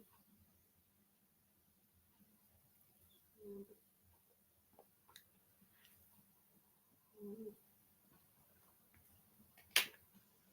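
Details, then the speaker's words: Pet sleeping in a quiet room: two soft, low snuffling snores about four seconds apart; snoring. "can you hear that that's pip snoring by the way that's pit snoring"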